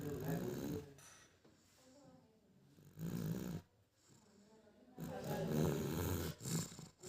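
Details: Soft, low rumbling snores with quiet gaps between breaths from a sleeping baby; ordinary infant snoring.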